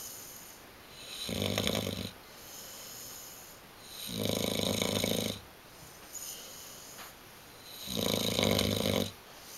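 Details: Snoring in a 7-month-old Bullmastiff–Boxer mix dog: loud, rattling snores on each breath, about three in ten seconds, with quieter breathing between them.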